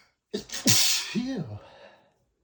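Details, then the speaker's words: A single loud sneeze, a quick in-breath then an explosive burst, from an adult, possibly male, whose dust allergy flared while cleaning a bookshelf; allergic sneezing. "I've just been sneezing so much today. [snorts] I started cleaning and the dust really made my allergies flare up and I just had to stop his teeth."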